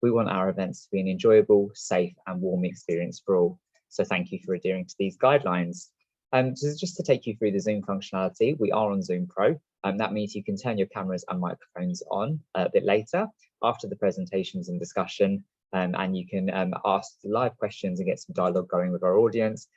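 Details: Adult male speaker; normal speech.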